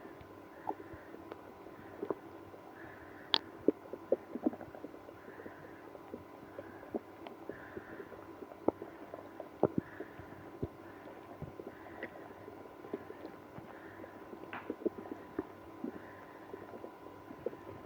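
Frequent gurgles, squelches and clicks with soft rumbling; active bowel sounds in irritable bowel syndrome.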